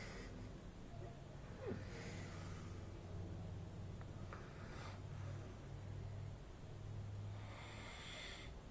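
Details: Adult man asleep on holiday at 11pm, described as drunk: low, rumbling snoring with snorting breaths under steady background noise, possibly with a fart; ordinary snoring.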